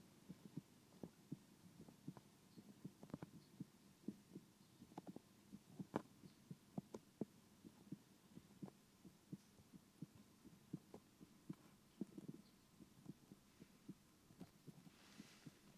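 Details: Stethoscope held to a 3Dio binaural microphone, ASMR recording with a PCM-D100 recorder: soft, regular double thumps of a heartbeat, about 80 a minute, over a faint background hum.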